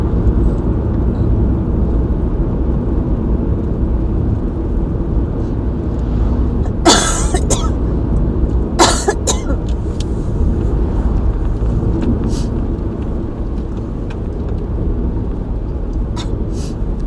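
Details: Several short coughs, some in quick pairs, over a steady low rumble, recorded during a real asthma attack, the first in a long while; asthma cough.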